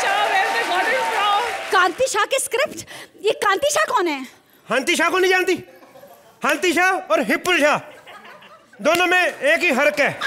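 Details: Acted, not real: a male comedian playing a comic stammering character in Hindi who swaps initial consonants; acted stammer with initial consonant substitution.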